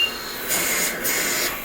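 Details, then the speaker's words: Mechanical cough assist in a patient, exsufflation phase: two short bursts of harsh rushing air as negative pressure follows about 2.5 seconds of positive pressure, pulling out secretions. "And positive again, and negative, and sort of pull it out and allow it to continue to suck."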